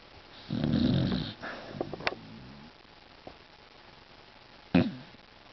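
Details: A sleeping Beagle gives a loud, rattling snore on the in-breath, then a few snorts and a second short snort; snoring.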